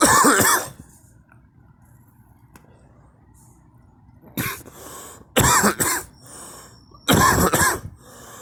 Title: me coughing